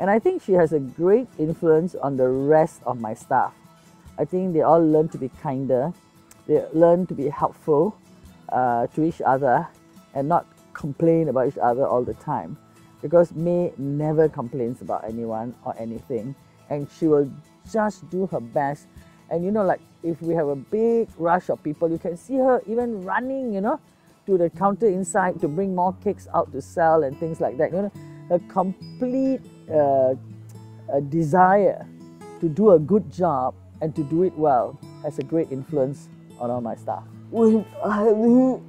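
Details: Adult speaker; normal speech.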